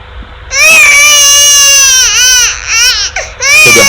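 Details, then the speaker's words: Infant crying a few seconds after a painful Prevnar vaccine injection, second phase after the acute phase: loud, sustained cry with clear, tuneful voice, less roughness and fewer nonlinear phenomena. "and here this is the the second phase so a few seconds later"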